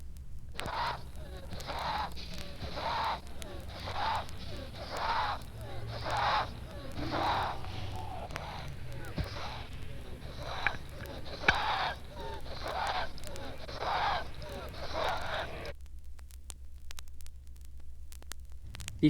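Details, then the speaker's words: Child in a severe attack of bronchial asthma: rapid, noisy, labored breathing at about 55 breaths a minute with wheezy expirations, typical expiratory bronchospasm and wheezing. "This is the typical explary bronco spasm and wheezing from a child with a severe attack of bronchial asthma."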